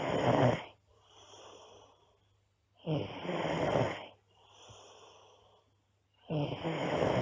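Loud, harsh snores on each breath in, with quieter breaths out, about 18 breaths a minute, from a sleeping girl.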